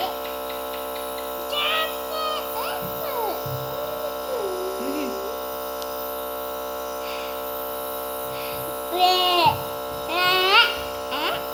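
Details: 2-year-old boy with a cough receiving nebulizer (steam) treatment: steady electric buzzing hum of the nebulizer compressor, with the young child's voice and fussing over it.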